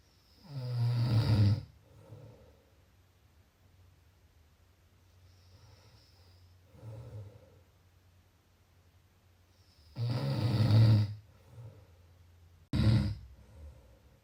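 Deep, rattling snores, about four to five a minute, with softer breathing sounds between them; loud ordinary snoring.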